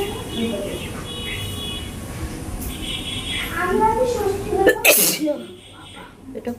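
One forceful sneeze after a spell of background talk and noise outdoors.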